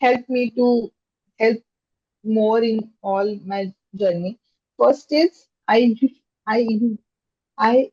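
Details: Stammering in an adult woman who stammers, a software engineer, with stammering since childhood.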